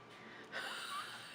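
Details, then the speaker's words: Sleeping pet dog snoring loudly: a single loud, snorting breath with a faint whistling edge, then a soft hiss of air. "You all right, bud? It's quite the snore."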